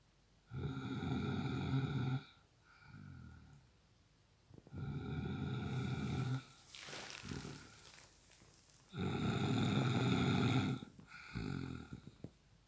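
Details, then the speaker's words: Man snoring in sleep: loud, buzzing, rattling snores on each inward breath with softer outward breaths, about 14 breaths a minute; heavy snoring. "Can I sleep with this snoring machine?"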